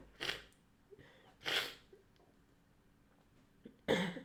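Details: Woman deliberately inducing sneezes while recovering from a hurt collarbone and ribs after a BMX fall: three sharp, hissing sneeze bursts with brief quiet breaths between them.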